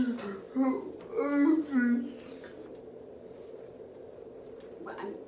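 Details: Transgender woman undergoing male-to-female transition, with cerebral palsy since birth affecting her walking, talking and movement; dysarthric speech (cerebral palsy).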